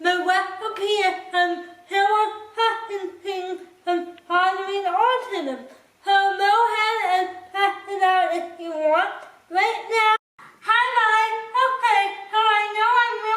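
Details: Dysarthria in a speaker with cerebral palsy who cooks independently with limited help.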